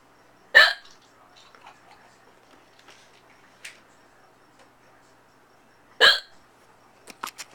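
Two sharp, abrupt hiccup sounds about five seconds apart in a quiet room, with faint small noises between; ordinary hiccups.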